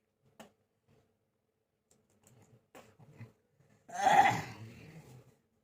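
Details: A few faint throat sounds, then one loud, harsh cough burst in a quiet room, in a person coughing for many days, on medicine, blaming hot-cold weather changes; a lingering cough with cold.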